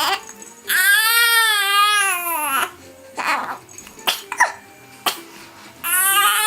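A baby's drawn-out wailing cries with short catches and gasps between them. Ordinary infant crying.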